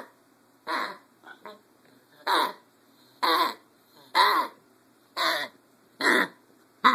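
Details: A pup gives a run of about seven harsh, honking coughs, roughly one a second. The vet said sore throat; the owner suspects kennel cough.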